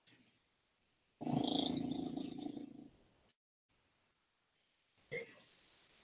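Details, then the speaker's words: Snoring from Lily, heard during a livestream while the host steps out. "Please enjoys Lily's snoring. I hope you can hear it."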